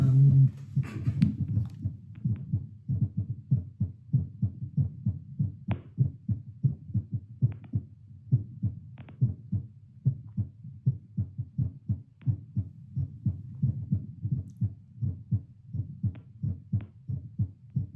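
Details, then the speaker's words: A seated adult's heart through a Littmann CORE stethoscope, about 96 bpm after talking: regular, fairly rapid, clear lub-dub sounds after brief rustling. Normal heart sounds, rapid rate. "So going again, we'll go baseline for a little bit because now I'm at 96 because talking is so exhausting, apparently."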